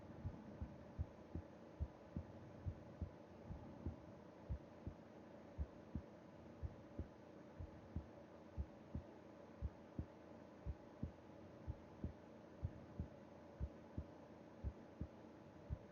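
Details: Heartbeat heard with an ear against the chest of a person sleeping, breathing softly: steady soft thumps at roughly 85 beats a minute over a low background hum, a normal heartbeat.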